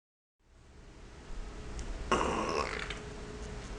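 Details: Pinscher–Pekingese mix female dog burping a few seconds after eating: a single loud, low, rumbling gulp of air over quiet room noise.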